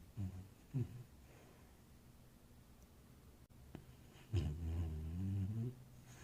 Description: My cute little Thoza snores in his sleep.....